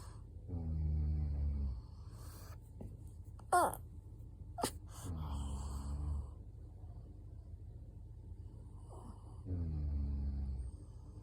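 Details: Three low, rumbling snores from a sleeping pug, about 13 breaths a minute, with a quiet room behind: snoring.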